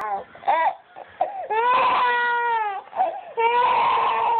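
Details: Infant fussing with steady-pitched whining wails and short breaks, called fake crying, while being coaxed to crawl a little further ("one more push") onto a remote control before being picked up.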